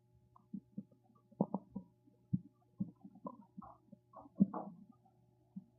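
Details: Irregular low gurgles and rumbling bursts from the belly over a steady hum; ordinary stomach rumbling (borborygmi).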